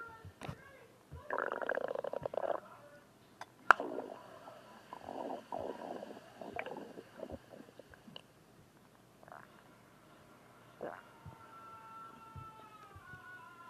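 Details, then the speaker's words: Stomach growling in a self-described very hungry person, with the stomach visibly moving: gurgling, creaky growls in a few bursts over faint room noise. "Whoa, that growl came out of nowhere."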